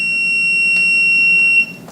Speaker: So to arm the bed alarm, you just push the arm button. This also works to disarm it.